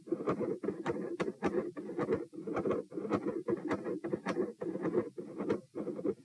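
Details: Continuous machinery murmur recorded at position P, gradually appearing, with some electrical disturbance.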